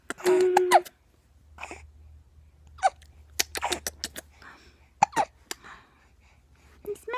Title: Not happy ABout these hiccups